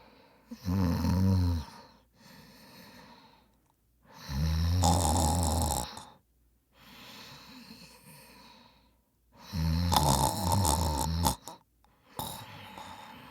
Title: Annoying Sounds & Noises. My Brother Snoring. What a noise. It Just Winds Us Up. Please Enjoy.